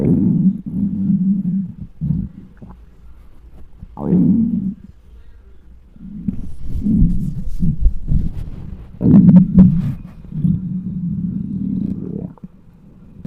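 Loud, deep, drawn-out gurgling and groaning rumbles from the belly, coming in waves; hunger stomach growling.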